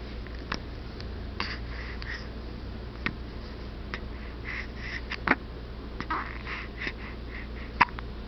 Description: In which our hero bravely hiccups at the protruding camera, ultimately chasing it away.